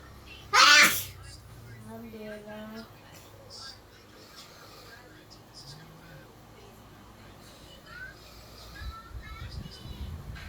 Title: When you sneeze: You say alhamdulillah